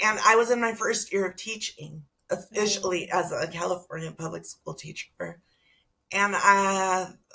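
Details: Adult woman with spasmodic dysphonia that began with stress in her first year as a teacher and took two years to diagnose; treated with Botox injections every few months, now at the end of her three-month cycle; spasmodic dysphonia.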